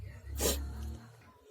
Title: Sneezing a Lot 🤧